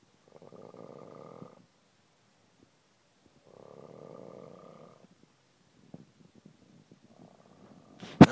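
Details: Man asleep outdoors in a garden, snoring incredibly heavily: rattling snores on each in-breath, about every three seconds, with a sharp knock at the end.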